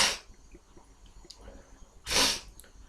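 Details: Two forceful, hissing sneezes a couple of seconds apart with quiet room noise between, induced deliberately by an adult who has a cold; sneezing.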